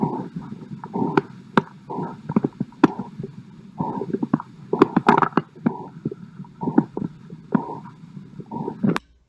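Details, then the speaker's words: Renal artery bruit heard with the stethoscope bell 1–2 cm above the umbilicus, just lateral to the midline. Soft, rhythmic whooshing pulses are heard over the upper abdomen, suggesting renal artery stenosis. "a brew in this location may be associated with renal artery stenosis so now that you know how to do this practically let's listen to the sound of Arenal artery"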